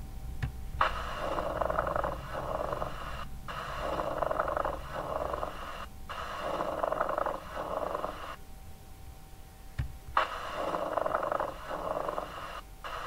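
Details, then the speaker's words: Creaky, grating leather-on-leather rub sounds repeating with each breath over the chest, from pleura unable to slide smoothly. Pleural friction rub. "esse atrito pleural ele tá então lembra que é uma incapacidade da pela deslizar vidros antigos falavam que é lembram roçar do couro contra o couro"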